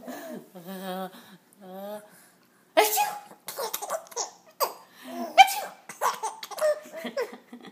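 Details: An adult (mom) sneezing in short bursts while a 5-month-old baby laughs and giggles at the sneezes.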